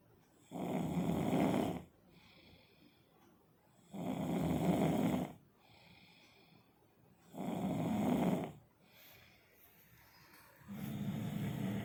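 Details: Loud, rough snores on each breath in, about 18 a minute, with quiet breathing out between them; snoring.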